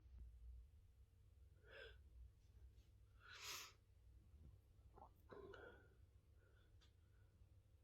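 Indrawn gasps followed by a sharp sneeze and a couple of softer snorts over steady low background hum; ordinary sneezing.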